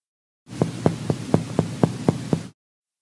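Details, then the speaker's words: Mediate chest percussion demonstrated by DPT students, working from top to bottom and comparing both sides: eight evenly spaced, hollow, low-pitched taps giving a resonant note over normal lung tissue. "start from the top and work your way down while comparing both sides [Music] three types of sounds are typically heard a resonant"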